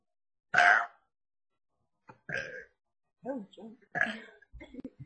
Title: 3 little burping camgirls